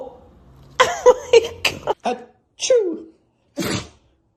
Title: The dog was sneezing like crazy #dog #dogs #dogshorts #funny #funnyvideo #funnyshorts